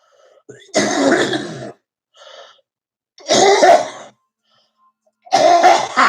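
Three loud, harsh cough bursts, each about a second long, separated by quiet pauses, with a rough, slightly congested quality: repeated adult cough.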